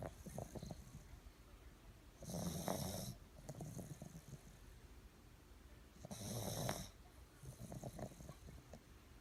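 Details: Two loud, rough, rattling breaths about four seconds apart, roughly 15 breaths a minute, with quieter breathing between: snoring.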